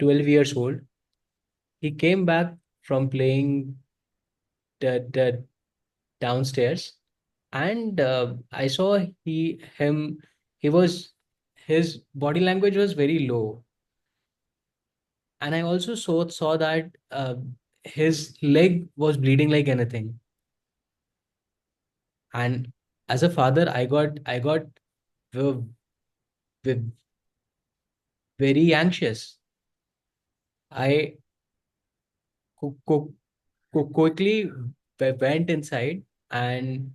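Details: Stuttering in an adult man who says he is a person who stutters, with sound and part-word repetitions.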